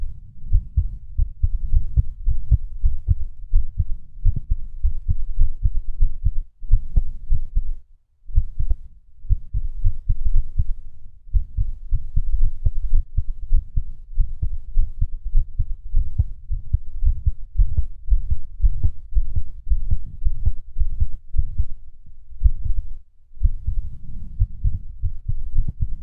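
Low, steady heart thumps with occasional pauses where a beat seems to drop, giving a skipping rhythm.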